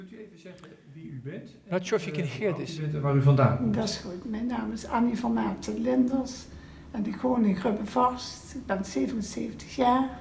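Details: Dutch-speaking patient whose harsh, high-pitched voice is typical of multiple system atrophy rather than Parkinson's disease: harsh high-pitched voice (multiple system atrophy).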